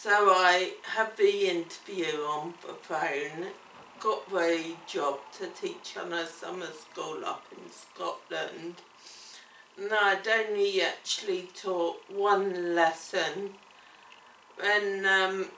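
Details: Adult woman with cerebellar ataxia, onset around age seven and diagnosed in childhood, affecting her coordination, speech and swallowing: ataxic dysarthria.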